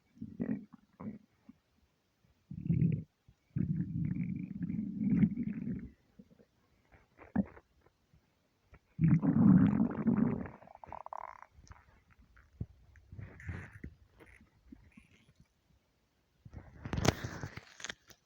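Low gurgling, growling rumbles in irregular bursts with short squeaky and bubbling sounds; ordinary stomach rumbling from an empty stomach.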